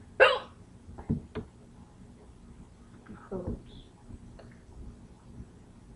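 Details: Ordinary hiccups: a sharp, abrupt hiccup followed by quieter hiccup-like catches and faint voice sounds in a quiet room.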